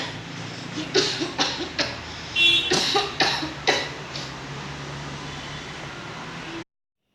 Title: How guys cough ( Home VS Public)